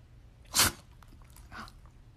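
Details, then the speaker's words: Shih Tzu dog, which rarely sneezes, gives a single sharp, hissing nasal sneeze followed by a softer snuffle. The owner wonders if she bumped her nose. "you have the sneezies. You have the sneezies? Oh my goodness. Do you bump your nose?"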